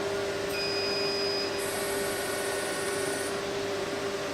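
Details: Steady machine hum with high electronic tones switching on and off as a fractional CO2 laser fires a short burst, foot-pedal triggered, in a test on a piece of paper at skin-resurfacing energy.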